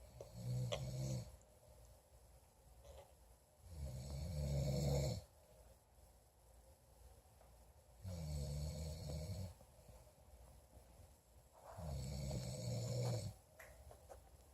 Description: My man snoring